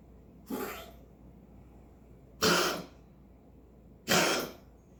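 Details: Three short, harsh, hacking coughs about a second and a half apart, dry and forceful.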